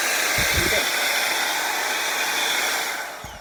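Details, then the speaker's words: Homemade 3D-printed BiPAP ventilator for COVID-19, fan blowing air down tubing, switched on to show it works: steady loud rushing airflow with a few faint low thumps. "This is a BiPAP ventilator. So I'm going to turn this on real quick. I'm going to show you that it actually works."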